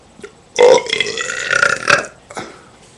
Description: Burping loud at the dog